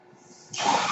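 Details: Speaker's own mechanical ventilator heard during podcast recording; mechanical ventilator breath cycle.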